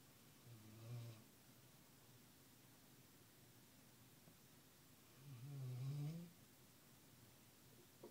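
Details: Snoring in an office: two low, rumbling breaths several seconds apart over quiet room noise; soft snoring.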